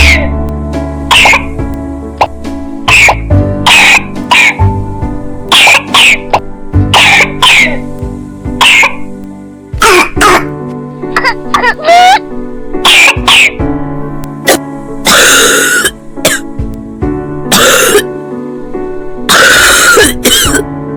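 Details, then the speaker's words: Child very ill with cough lasting over one week, wet and phlegmy, possibly pneumonia: repeated harsh, wet-sounding coughs over background music. "Si su hijo parece estar muy enfermo y tiene tos durante> 1 semana, Lo que suena húmedo y flema Entonces puede ser neumonía. Ver pediatra!"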